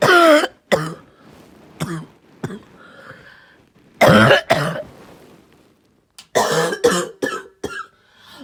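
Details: Child with a barking cough: about ten harsh, hoarse coughs in three short clusters, with quiet breathing between them.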